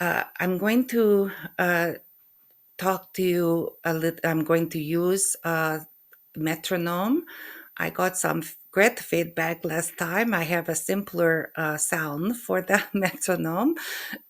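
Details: Woman with aphasia, with a brain lesion located on MRI, plus functional neurological disorder, recovering since November 2023; speech shows hesitations, word errors and non-fluent flow. Finding: aphasia.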